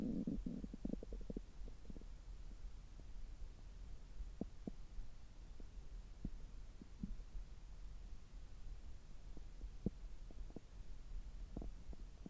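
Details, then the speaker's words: Abdomen heard through a stethoscope about 3 hours after eating, when the gut is active: scattered faint clicks and gurgles over a steady hiss, brief rumble at start; ordinary bowel sounds. "今日は久しぶりに聴診器を使ったお腹の音を取っていきたいと思います。今は、食後3時間後ぐらいで、ちょうどお腹がよく動いている時間だと思います。"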